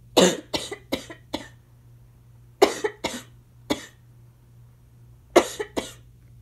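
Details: Adult with asthma coughing: three bouts of short, harsh coughs, about eleven in all; the cough gets increasingly congested and the person was having trouble taking an inhaler.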